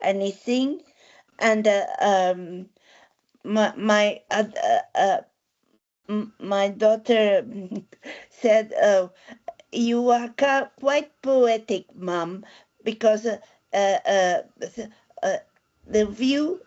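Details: Adult woman with aphasia following a stroke eight years ago, with word-finding difficulty, repetitions and word substitutions; aphasia.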